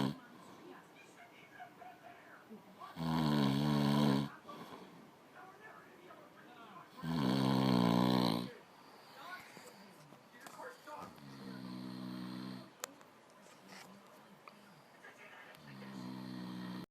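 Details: Male sleeper snoring at 4 am: loud rattling snores on breathing in, roughly every four seconds, becoming softer later; ordinary snoring.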